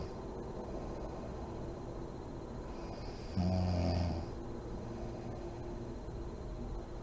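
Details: Mother snoring in deep REM sleep with deep breathing: one low, rumbling snore on an inward breath, with quiet steady breathing before and after.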